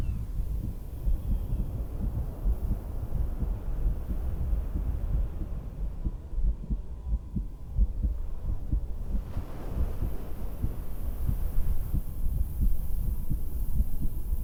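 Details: Woman's own heartbeat through a stethoscope while sitting on the porch of her beach house: low, muffled thumps partly buried in wind, ocean waves and outdoor rumble.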